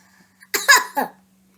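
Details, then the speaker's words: Controlled coughing technique demonstrated for teaching: seated with feet flat on the floor, arms folded over the abdomen, breathing in, then leaning forward to exhale with two or three short, open-mouthed cough bursts to move mucus out. "so again she's gonna put feet fat on the floor fold her arms over her abdomen or belly and then she's gonna breathe in for me and then lean forward breathe out and"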